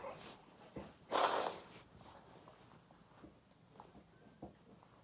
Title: Loud desperate sneezing